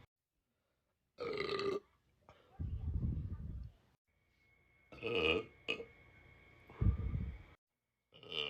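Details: Girl burping: several loud, low, drawn-out belches separated by pauses; repeated gassy belching.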